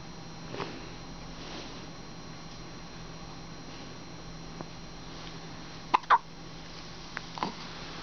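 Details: Several soft, brief, irregularly spaced hiccup clicks over a quiet hum from a newborn in hospital about 4 hours after birth.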